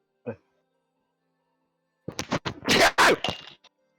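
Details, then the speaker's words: A sudden, forceful adult sneeze, with headphones knocking against glass and a clatter, followed by a brief echo through the building. "I sneezed so hard. I like sneezed off my head."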